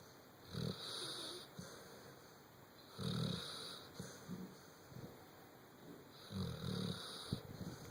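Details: Snoring from a sleeping male: low rumbling snores on the in-breath, about three across eight seconds with quieter breaths between; ordinary snoring.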